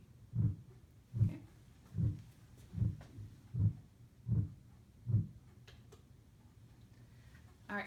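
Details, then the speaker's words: Simulated on SAMII manikin, heard with stethoscope bell: regular, slow, low-pitched whooshing pulses about 77 a minute, no lub-dub, Doppler-like: carotid bruit. "no is it FAS or slow slow and is it regular or irregular this one's regular and it's kind of that lower pitch which should indicate remember we use the bell for lower pitch sounds so for those reasons this is our"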